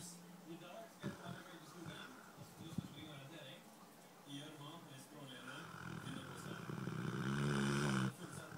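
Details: Dogo/Rottweiler dog snoring with eyes open, tired after a two-hour playdate with other dogs: snuffling, rattling breaths building to a loud, deep snore near the end, with background room noise.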